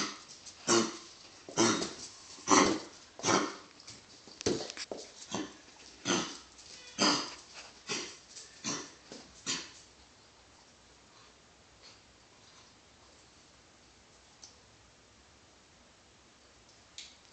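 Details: A dog gives a run of about a dozen harsh, repeated coughs, then falls quiet, and is still coughing; cough.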